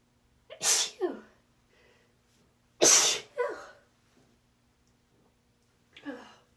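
Two pairs of quick sneezes, each an inhaled catch then a burst, followed by a lighter fifth sneeze; repeated sneezing.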